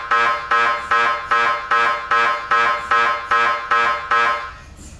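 Loud, regular buzzing tones pulsing about 150 times a minute, then stopping; MRI scanner sequence noise.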